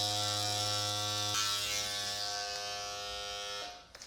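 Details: Dr. Pen M8S microneedling pen used at home on stretch marks above the knees at 0.75 mm depth with an 18-needle cartridge: steady high-pitched electric buzzing with a slight pitch change partway through.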